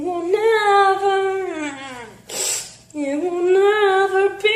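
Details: Girl sneezing while singing, looped edit of a sneezing fit: sustained singing broken by a single sharp, hissing sneeze, after which the singing resumes.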